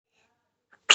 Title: Baby sneeze and stares